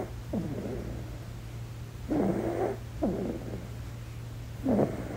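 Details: Sleeping infant in deep sleep making brief, irregular snuffly snores with squeaky pitch sweeps over a steady low hum; infant snoring.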